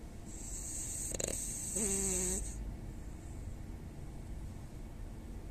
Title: Who snores the most? #snores #dog #frenchbulldog #dogsnoring #dogsnores